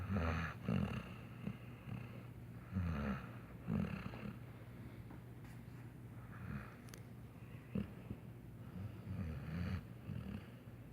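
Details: Sleeping Saint Bernard puppy with low, fluttering, snuffly breaths every one to two seconds, about 35 a minute. Soft snoring.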